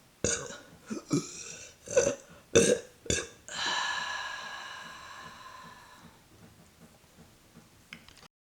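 A run of short belches followed by one long drawn-out belch: voluntary burping after swallowing air.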